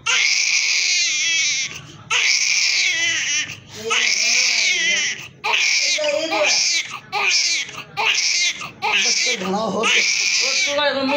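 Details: Newborn crying immediately after birth: loud, high-pitched cries in repeated bursts with short breaths between; a strong newborn cry.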